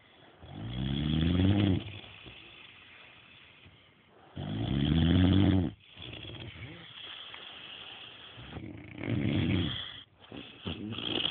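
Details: Snoring in sleep: deep rumbling snores on breathing in, about three in eleven seconds, slow and somewhat irregular; ordinary snoring.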